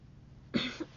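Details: Person with Tourette syndrome: a single abrupt cough-like throat sound breaking into quiet; vocal tic.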